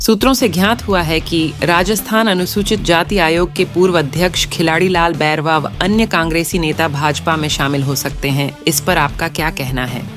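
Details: Adult woman speaking Hindi; normal speech.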